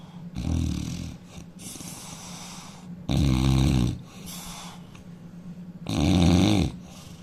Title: Indian man snoring loudly